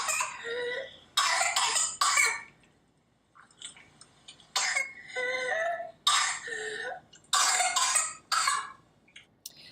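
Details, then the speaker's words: Paroxysmal coughing from Bordetella pertussis infection: repeated bursts of harsh coughing, each run ending in a drawn-in, high-pitched whooping breath typical of whooping cough. "did you hear that ooh sound that's from the spasms and the that that infection that causes the inflammation so this person absolutely needs antibiotics"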